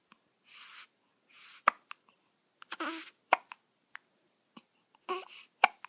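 Soft, abrupt little catches recur irregularly, about four in six seconds, with faint breathy sounds between: newborn hiccups.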